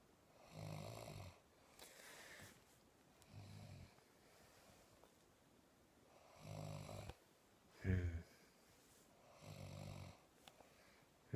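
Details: Snoring during sleep: low, droning snores of varying strength, roughly 20 breaths a minute, in a quiet room; ordinary snoring.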